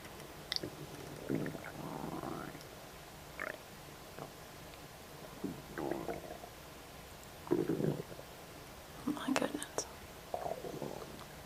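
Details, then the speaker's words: Adult just after a snack of ribs: irregular bursts of gurgling and squeaky rumbling from the belly, ordinary post-meal stomach noises (borborygmi). "My stomach enjoyed that."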